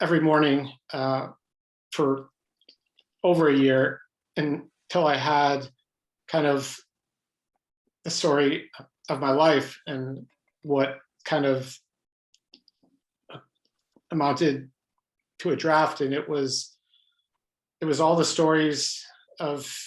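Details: Adult man with lifelong stuttering, pattern mostly blocks, who reports hundreds of different ways he stutters, speaking spontaneously in a real interview; stuttering.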